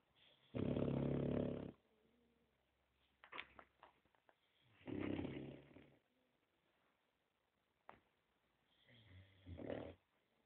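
Three deep, rumbling snores about four seconds apart, with near silence between; a sleeping dog snoring on each breath in.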